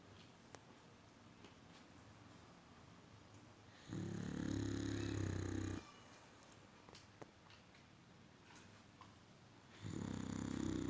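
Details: Dog snoring in deep sleep: two long, rough, low rattling snores separated by a quiet pause, in a small room; snoring.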